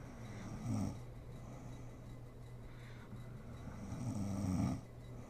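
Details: Adult woman (a mother) sleeping, ASMR recording: deep, low rumbling snores on each inhalation roughly every four seconds with quieter exhalations; sleep snoring.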